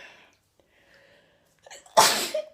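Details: Person sneezing repeatedly, wearing an irritating fake nose piercing: soft breaths followed by one sharp, explosive sneeze with a brief voiced tail.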